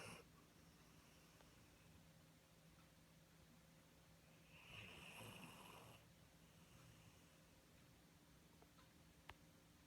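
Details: One quiet, rough snore over a low room hum; ordinary snoring.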